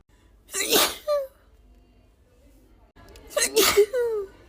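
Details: Woman with tickly allergy sneezes: two voiced sneezes with a brief catch afterward; allergy sneezing.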